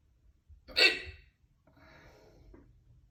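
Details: One loud, sharp hiccup with a sudden voiced gulp, then quiet breathing, in a person who ate soup for dinner and then a lot of crackers; loud hiccups.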